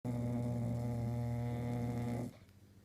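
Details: Snoring: a single long, low, rumbling snore lasting about two seconds, then quiet.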